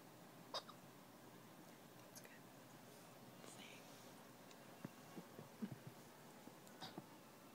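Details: Several soft, abrupt little catches at irregular intervals from a baby in a quiet room; infant hiccups.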